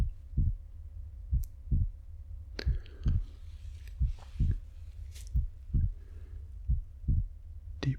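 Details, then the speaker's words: Role-play ASMR check-up by a male nurse, stethoscope under the shirt during deep breathing; regular low paired thumps about 90 a minute with faint room noise, later called totally normal; normal heart sounds, simulated exam. "So, I think that some of the things we're going to do at the beginning is just if I can just listen to your heartbeat. Then we don't have to take a pose today. I just need to listen to your heartbeat."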